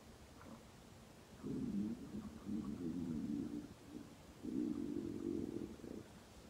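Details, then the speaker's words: Woman's stomach growling: gurgling bowel sounds (borborygmi) rising and falling. "you might be listening to my stomach gurkling and just let that just notice the rise and the fall of that sound"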